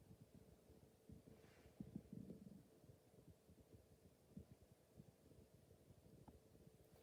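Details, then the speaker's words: Soft, irregular gurgles and low rumbles heard by stethoscope over the lower abdomen of a patient lying down during a head-to-toe exam: normal bowel sounds present in each quadrant. "that was sounds more normal and present in each quadrant"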